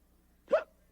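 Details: Staged hiccup from a 1978 Sesame Street TV puppet (Two-Headed Monster) skit: one abrupt voiced hiccup-like gulp, an acted imitation of hiccups.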